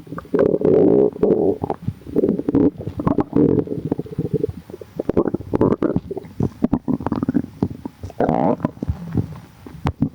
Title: bubbly🫧 | stomach growling